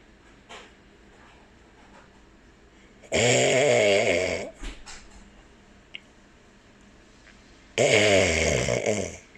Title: Cockatiel enjoys Daddy's snoring sound 2020年4月15日